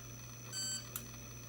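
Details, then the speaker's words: Handheld thermocoagulator for cervical lesion ablation, product demonstration: short electronic beep over steady low hum as the unit starts heating, reaching 100 °C in 8 seconds. "hear another beep and the unit is heating up it only takes 8 seconds for the unit to come to a 100 degrees Celsius"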